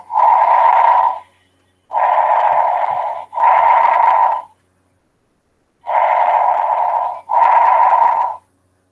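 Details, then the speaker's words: Normal bronchial breath sounds auscultated over the trachea: loud, hollow, high-pitched, higher intensity, with clear gaps between inspiration and expiration. "ya esté el sonido bronquial es decir que ese flujo de aire así así se escucha"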